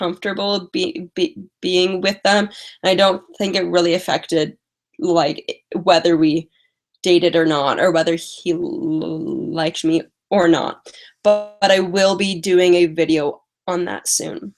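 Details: Female live-stream host with a stutter who says she manages it with strategies such as prolonging words and talking slowly; stuttering.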